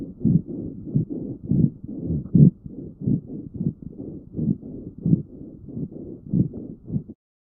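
Low-pitched rumbling, snoring-like lung sounds recurring through the breaths, typical of rhonchi.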